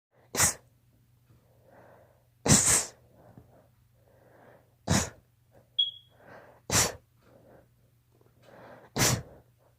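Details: Child has allergy sneezes: five sharp sneezes in quick succession, each preceded by a quick breath in; allergic sneezing.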